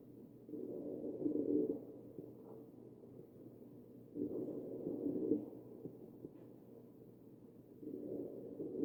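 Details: Wheezing over the chest of a real mechanically ventilated patient.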